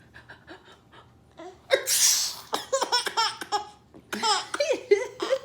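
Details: Mother's pretend (simulated) sneeze: one forceful adult sneeze, then bursts of infant laughter from her baby.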